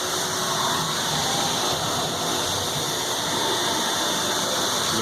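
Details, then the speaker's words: Dental milling machines (specialized CNC mills) running in a dental lab's mill room: a steady high whirring hiss with a low mechanical rumble. "essentially specialized CNC milling machines"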